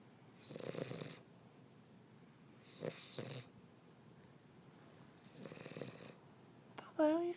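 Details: King Charles spaniel snoring: three rattling, nasal snoring breaths, followed by a brief squeak.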